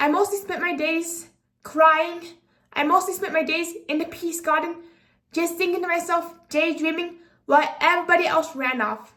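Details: 24-year-old woman with apraxia of speech, a speech disability making sound articulation challenging, speaking unscripted; apraxia of speech.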